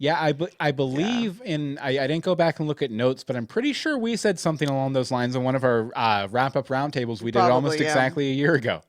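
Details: Adult male speaker; ordinary speech.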